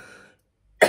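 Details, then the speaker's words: A single adult cough during speech, with a sharp onset and cut off at the end, after a faint fading tone and a pause. "I know I sound like a dirty old tramp coughing. Apologies, but yep."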